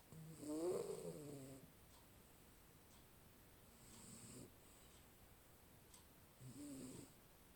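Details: Maine Coon cat snoring while asleep, recorded on a Xiaomi Mi 10 Pro 5G phone; soft rumbling snores, three breaths in about seven seconds, fading between breaths in a quiet room.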